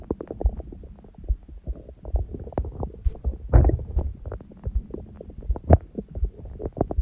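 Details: Own belly recorded after a big first meal of the day at 4 pm, following water-only fasting since 7 pm the previous day, and after ab workout, on a raw-food diet: frequent gurgles, pops and rumbles; active bowel sounds.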